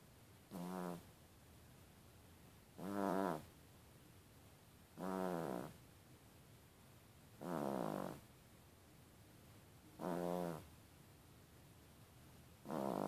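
Regular, rattling snores on each breath in, about 25 a minute, in a quiet room: snoring from a sleeping small dog.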